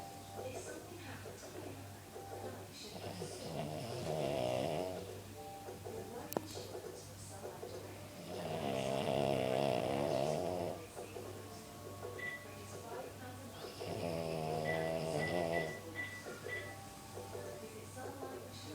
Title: My lil pooch snoring really Loud xxxx